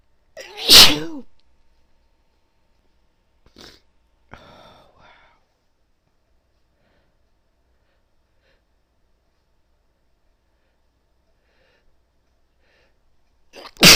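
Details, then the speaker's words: Female with a tickly nose sneezing: a loud explosive sneeze, then soft breathing and quiet sounds, with a second sneeze starting at the end. "oh my God oh jeez my sees are so huge feels really good"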